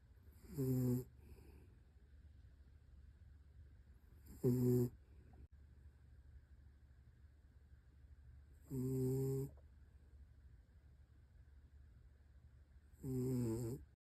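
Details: Dog snoring in his sleep: short, buzzing snorts about every four seconds, roughly 14 a minute, over a low steady hum.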